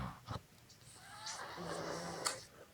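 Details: Snoring from a sleeping adult: a single low, rough buzzing breath amid faint room noise and clicks.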